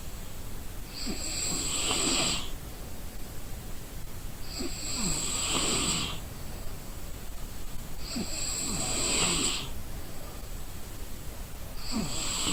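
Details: Exhausted person sleeping: steady rhythmic snoring, a rough snore on each breath every few seconds, with hissy breath noise between, in a quiet room.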